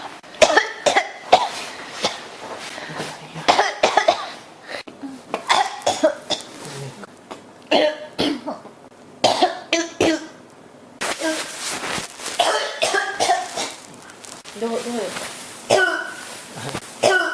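Many closely spaced coughs with short gasps and throat clearing between, barely pausing: a persistent cough that keeps returning.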